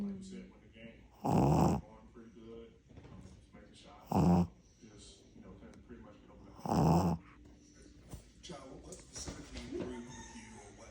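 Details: A female snoring while sleeping with her eyes open: three loud, rough snores about 2.5 seconds apart, with quieter breathing noise and soft background sounds between them; ordinary snoring.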